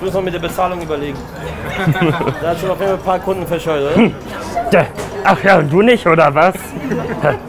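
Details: Adult male speaker; ordinary speech.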